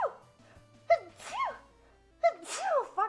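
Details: Female streamer during a live stream: two quick sneezes, each a short rising inbreath followed by a high squeaky burst, with faint background sound; sneezing.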